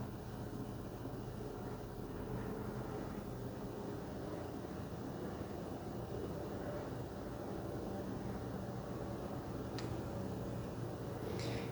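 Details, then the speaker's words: Wellue portable home automatic blood pressure monitor inflating on a seated adult with feet flat and the cuff feeling tight: a steady low motor hum with a soft click near the end; reading 116/83, heart rate 65. "well the air has been pumping in now this thing is feeling really tight so you can see all the numbers are going right now remain still"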